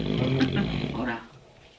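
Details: Man snoring after a night at a bar: a single loud, rough, rumbling snore lasting about a second, fading into quiet room sound.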